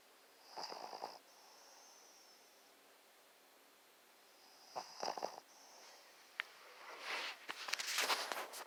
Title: Snores like a human!!